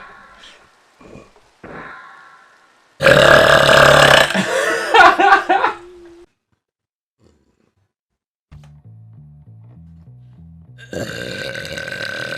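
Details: A long, loud, rumbling burp followed by a shorter one, with music playing in the background; burping.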